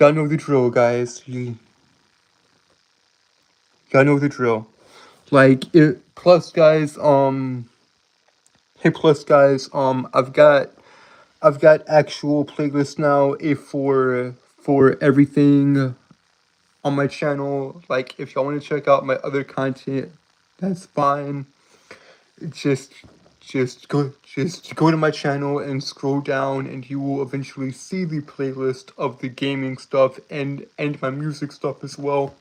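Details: Adult male streamer with a self-reported speech impediment that makes him stutter and trip over his words; audible repetitions; stuttering.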